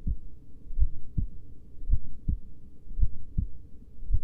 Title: Slowly heartbeat sounds